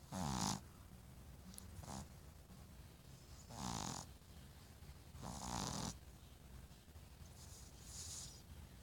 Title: snores the best